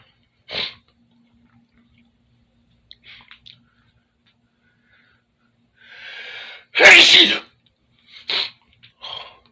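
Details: Sneeze in a bedroom with dripping snot: a sharp inhale builds into one loud, explosive sneeze, followed by sniffing and nose-blowing in a quiet room.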